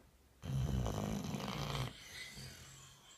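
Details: Bull boxer dog snoring heavily while asleep: one loud, rough, rattling snore lasting about a second and a half, then quiet breathing.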